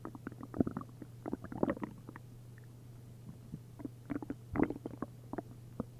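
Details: Upset-stomach borborygmi after drinking a liter of milk and a liter of prune juice: frequent loud gurgles and bubbling pops from the abdomen, active fluid-filled bowel sounds.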